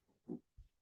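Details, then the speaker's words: Reverse sneezing in a small dachshund: two faint, brief snorting honks heard from another room. "I see just saw that Nora is having a difficulty right this minute having one of those reverse sneezes. They finally have a name for what happens with Datson's when they make that noise. It's called reverse sneeze."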